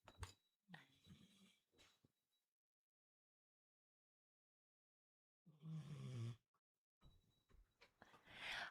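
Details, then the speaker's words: Sleeping dog snoring: low, rumbling breath noises in irregular bursts separated by quiet stretches, heard behind someone speaking. "Can you hear my dogs snoring? Sorry."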